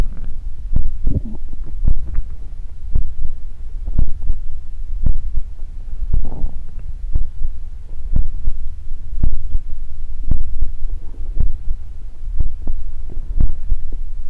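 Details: Close-miked stomach growling recorded for body ASMR: muffled low thuds with brief gurgling rumbles between them (borborygmi).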